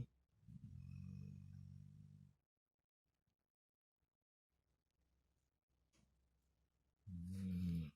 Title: Zuzu snoring